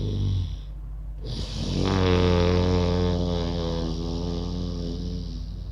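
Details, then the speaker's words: Deliberate snore-like sound through the nose on both inhaling and exhaling, tongue folded back, as a yoga breathing exercise for snoring ("fake snore"), low rattling sound; imitated snoring, not real. "देखा आपने, सांस लेते हुए भी वो आवाज़ थी, सांस छोड़ते हुए भी थी, लेकिन हर बार हम नाक से ही सांस ले रहे और छोड़ रहे थे।"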